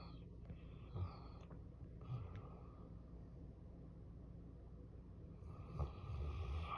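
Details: Snoring with the head pressed right next to an air conditioner, sounding like its compressor, which was off at the time.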